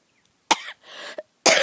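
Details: Two sharp, dry coughs with a brief throat-clearing between, outdoors in quiet surroundings while talking; the person says talking brings on coughing.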